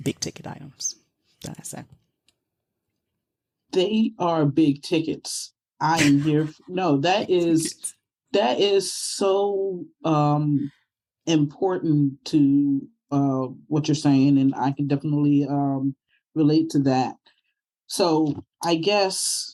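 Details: Aphasia in a woman, caused by stroke; real stroke survivor.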